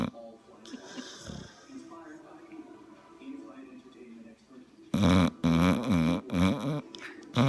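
Soft noises, then loud, deep, rattling snores from a dog with each breath.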